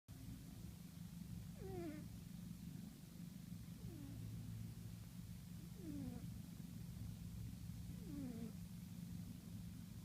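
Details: Soft squeaky nasal whistles on each breath, about every two seconds, over steady low rumbling noise; a sleeping pet cat's light snoring.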